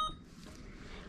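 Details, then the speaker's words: Alaris IV pump programmed for a 999 mL IV fluid bolus at 999 mL/hour, connected to a patient: a single short electronic beep as start is pressed and the infusion begins, then quiet room noise. "We have 999 milliliters an hour, and it says here bolus IVF. So again, I'm gonna press start,"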